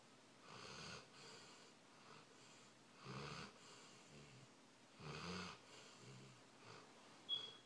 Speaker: You're snoring.